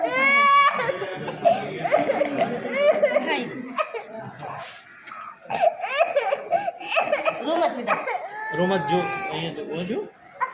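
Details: Infant girl during a blood test: loud, high, distressed wailing while adults talk soothingly, a typical pain cry.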